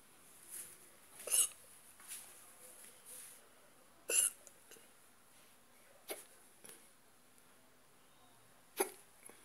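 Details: Persistent, stubborn hiccups: sharp, quick hiccup catches at irregular intervals, about 13 a minute, in a quiet room.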